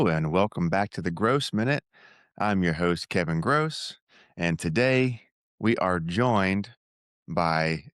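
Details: Adult male speaker; normal fluent speech.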